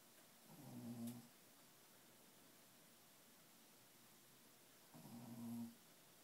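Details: Two slow, low rumbling snores separated by a quiet pause from a sleeping Shih Tzu dog resting after a hard day: snoring.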